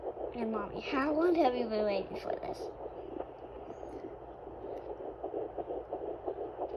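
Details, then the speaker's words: Fetal heartbeat at 10 weeks 2 days of pregnancy on a Sonoline B home fetal Doppler: brief sliding tone, then fast rhythmic whooshing pulses (~175/min) through static; the display misread at first, later showing about 150–159. "so it looks like it's not reading correctly but you can definitely hear it because my heart rate is not that fast so yes you can pick up the heart rate super early with these dopplers"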